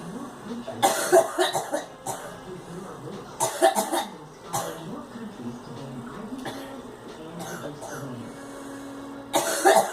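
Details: Several short harsh cough bursts in clusters from a girl, with some room noise between.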